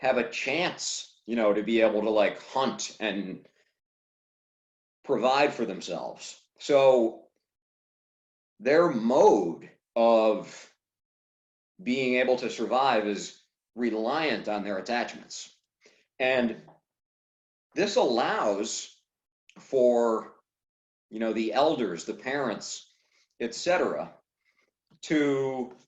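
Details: Adult man who stutters; stuttering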